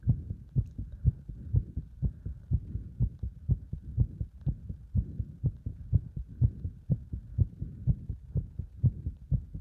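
Rapid, regular heartbeats at about 120 a minute, a fast rate in keeping with exercise load.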